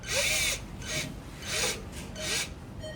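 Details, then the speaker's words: Power driver advancing a guide wire from clavicle through the coracoid during ORIF of a type 3 (possibly type 5) acromioclavicular joint dislocation in a 55–60-year-old male; repeated rasping, grinding bursts about every 0.7 seconds. "hitting the coracoid and then going beyond coracoid. So it's going through the coracoid."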